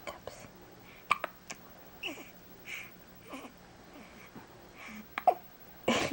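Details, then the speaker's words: Person with hiccups, talking while others tease him: breathy sounds and soft voice interrupted by several sharp, abrupt gulping hiccups. "i don't know why i got the hiccups huh i don't know why quit making fun of me"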